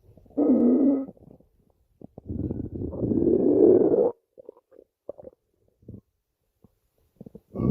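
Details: Zoey's stomach growling: low gurgling rumbles, one long rolling growl followed by brief bubbling pops, borborygmi from gas and fluid moving in the gut.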